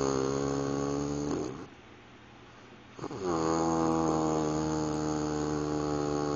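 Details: Loud, buzzing, steady snore drawn out over several seconds with an unusual sustained tone, broken by a brief pause, from an adult sleeping after driving about 5000 miles in 5 days; snoring.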